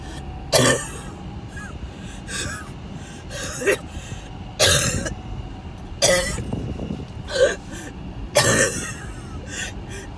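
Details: About seven repeated harsh coughs with gasping between, over steady car and road noise: a coughing fit, one of a series of attacks recorded during a car ride to the hospital ER.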